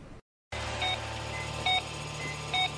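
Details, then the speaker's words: Steady electronic beeps about once a second over constant machine hum, a depicted operating room during gastric band surgery, illustrating hypnotic virtual gastric band weight-loss therapy; operating room monitor beeping. "operating room machines beep and hum as you lay sleeping your stomach being shrunk through a procedure thousands of Americans get every year"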